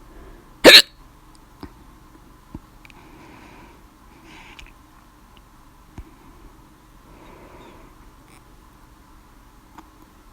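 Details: Hiccups brought on by laughing too much while playing Minecraft: one loud, abrupt hiccup, then several faint, sharp gulping clicks a second or more apart in a quiet room.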